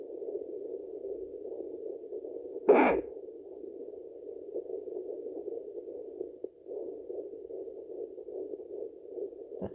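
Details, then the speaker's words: Fetal heartbeat at 8–12 weeks of pregnancy on a home Doppler, found right-central just below the pelvic bone. Fast, rhythmic whooshing pulses at about 152 beats per minute, within the stated 140–180 range. "That's around 152 beats per minute with an average of 140 to 180 from 8 to 12 weeks."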